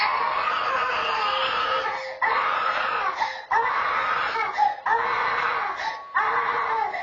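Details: Infant boy crying at night, recorded on a home camera: repeated sustained wailing cries with brief breath pauses between; infant cry, presented as a paranormal story.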